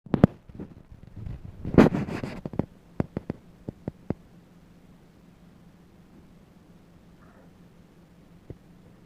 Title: Dog stomach noises